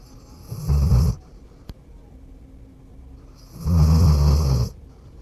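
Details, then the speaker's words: Two loud, rumbling snores separated by a quiet pause from a deeply sleeping 14-year-old dog, whose snoring has grown louder with age. "Ya es un perro muy viejito, está roncando más fuerte, ¿eh?"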